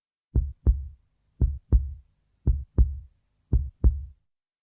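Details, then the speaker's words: A child's heart is checked with a stethoscope at a doctor's surgery. Four steady lub-dub beats at about 57 a minute with a regular, healthy rhythm: a normal heartbeat. "the doctor listens to the sound of heart through her stethoscope to make sure it's healthy and beating properly"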